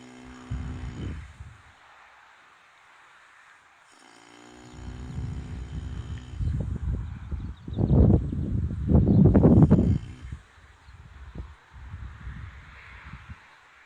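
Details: Horse snoring while napping in the sun outdoors during the morning: deep, rumbling, fluttering breaths against outdoor background noise.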